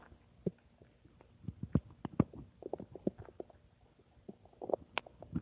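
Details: Irregular gurgling, bubbling rumbles with soft pops from the speaker's own belly: ordinary stomach rumbling, borborygmi.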